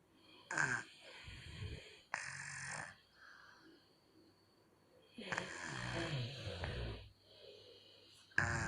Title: #Bayi #Lucu #Vlog Anak Bayi Ngorok 👶